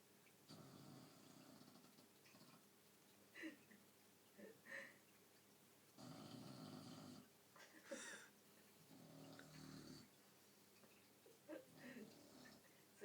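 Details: A female dog snores loudly while asleep, with rough, rattling breaths and brief snorts and sniffs in between.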